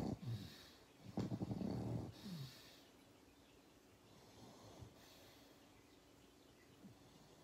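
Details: Sleeping pug making quiet snorting, rattling breaths and snuffles that fade into soft breathing; snoring.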